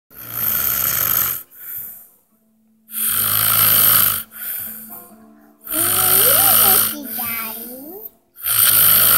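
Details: Loud sleeper snoring: harsh snoring bursts repeating about 23 times a minute, with gliding whistle-like sounds and background music mixed in; snoring.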